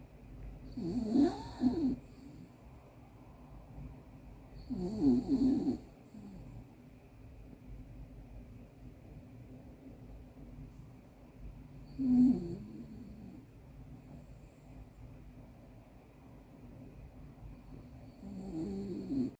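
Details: Miniature dachshund dog snoring loudly: four rattling snores over about 19 seconds with quiet breathing between; ordinary snoring.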